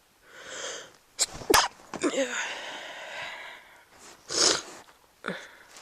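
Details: Sneezes recorded while recovering from a cold, past its peak: several explosive sneezes with sharp inhalations between them.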